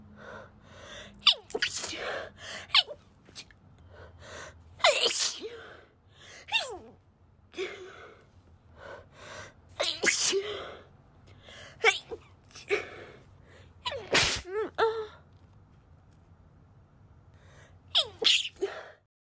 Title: Itchy stifled sneezes (F)